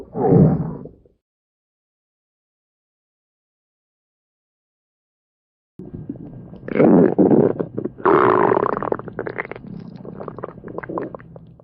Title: A Stomach Growl At The Sleepover - Part 2 (Request)